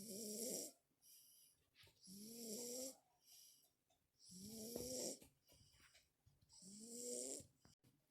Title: Sugar snoring